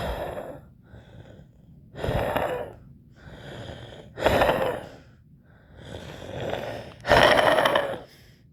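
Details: Wheezing during repeated deliberate breaths, blowing out and in, with a musical whistling wheeze on the louder breaths.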